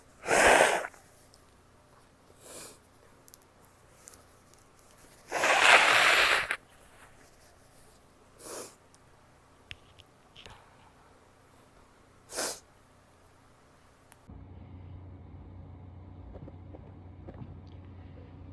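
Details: Female who is still sick: two loud explosive sneezes with quieter sniffs between, then a stretch of nose blowing; sneezing.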